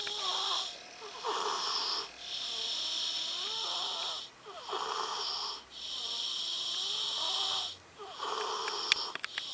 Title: sleeping like an angel - a loud, snoring, nasally angel.